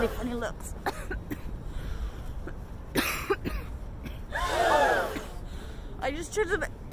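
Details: Adult coughing in public: a few short, harsh cough bursts mixed with brief voiced sounds and throat noises, with faint room noise.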